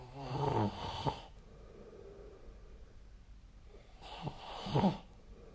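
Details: Snoring recorded during sleep with the SnoreLab app: two rough snoring breaths with a fluttering, rattling quality about four seconds apart, quiet room noise between.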